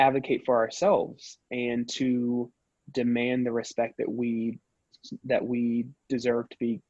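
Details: Person who stutters, with pauses and word repetitions; stuttering.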